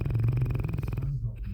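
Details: A giant sleeping dog snoring: a loud, low, rapidly fluttering rumble as its loose lips flap and vibrate with each breath.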